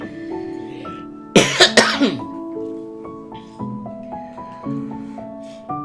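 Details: Sick streamer coughing: a short run of about three coughs ending in throat clearing, over steady background music.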